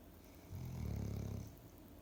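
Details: Soft snoring from a dog asleep on the living-room floor: a single soft, low snore lasting about a second on an in-breath, quiet room noise around it.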